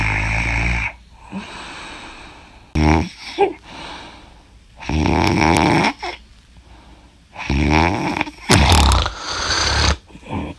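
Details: Heavy, loud, harsh snoring during sleep, about four snores in ten seconds, with softer rattling breaths between them.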